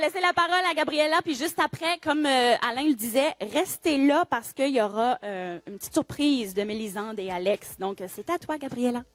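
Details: Adult woman; Normal speech.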